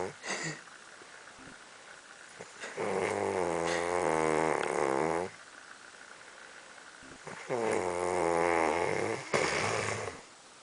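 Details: Dog snoring in sleep: two long, buzzing, vibrating breaths with a growly tone, separated by quiet pauses and a few snorts.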